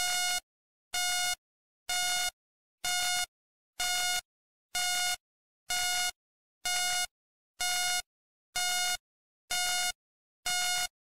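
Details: Hospital ambience sleep sound: steady, evenly spaced electronic beeps at about 63 a minute, the regular pulse tone of a hospital patient monitor.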